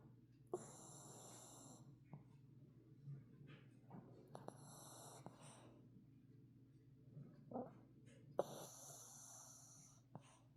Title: Snickers snoring